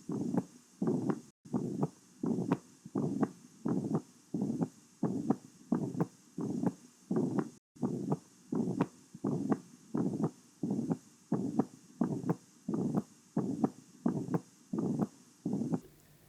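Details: Holosystolic murmur of mitral regurgitation on heart auscultation.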